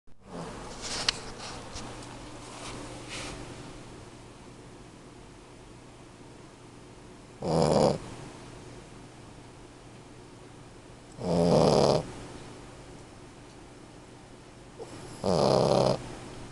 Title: Nike snores when he sleeps...